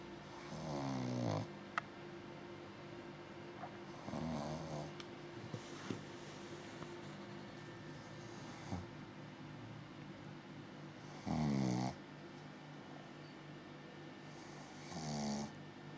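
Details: Snoring in a 6-month-old pug–shih tzu mix puppy: rough, rattling snores at irregular intervals, about four in sixteen seconds, over steady room hum.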